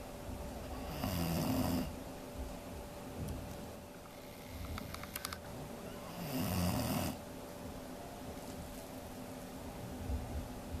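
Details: Dog named Roxy snoring while asleep: two long, rough, rattling breaths about five seconds apart in a quiet room.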